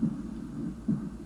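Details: Normal heart sounds from an adult auscultation training mannequin, with the stethoscope at the left lower sternal border: low thumps; simulated.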